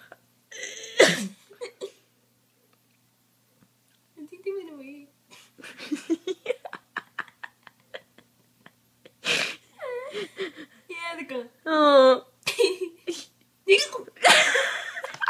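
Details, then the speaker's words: Girl with hiccups: sharp, abrupt gulping catches recur irregularly between soft voice sounds and giggles; she says she has crazy hiccups. "I got the crazy hiccup. Oh no."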